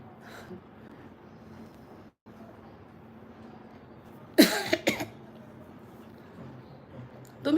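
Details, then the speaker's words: A couple of short, loose coughs with throat-clearing in a quiet room, from a woman with a hoarse voice; described as an ordinary cough, no cold yet. "ताईचा आवाज जरा बिघडलाय पण त्याला काहीच नाही फक्त normal एक खोकला झालाय सर्दी पण नाही अजून होईल होईल मला असं वाटतं"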